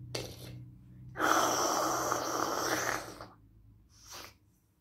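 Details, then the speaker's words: Person with a bad head cold, taking cold medicine, gives a sharp intake then a long, forceful, wet, spraying sneeze of about two seconds, with a short breath after; sneeze. "So I can actually feel a sneeze coming right now."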